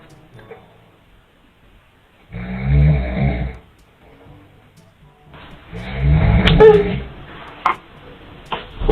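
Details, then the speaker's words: Loud sleep snoring from an adult father while a baby reacts: two long, rumbling snores separated by quiet pauses, with faint music behind. "That snore hit different."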